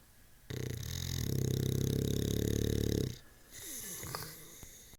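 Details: One long, loud, rattling snore lasting about two and a half seconds, then quieter breathing; a deep, human-like snore from a sleeping bulldog.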